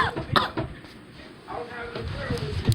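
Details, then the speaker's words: Adult imitating an elderly person's cough in a comedy skit: a few rough, throaty coughs and throat clearing, with talk in the background. "It's just that like you coughing so much. It's like dang, you just coughing so much."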